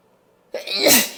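A single forceful sneeze: a short quiet intake, then a loud, hissing burst of air.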